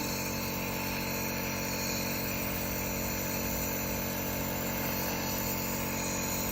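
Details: Steady mechanical motor hum, no breaks, of a nebulizer compressor running while a child with a cough breathes medication through a mask; nebulizer compressor running.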